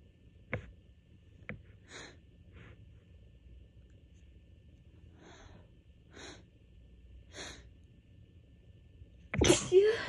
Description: My allergies have been so bad this week. I managed to catch this fit right before I was about to go to bed.